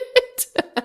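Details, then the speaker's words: Pet cat waking early from a nap has an asthma attack: four quick harsh hacking bursts over a faint steady hum; owner says it is mild, triggered when she jumps around and gets excited. "And she's decided to wake up early from her nap and come out here and promptly have an asthma attack right next to me. Don't worry, she doesn't have crazy asthma. She just when she jumps around, she gets excited."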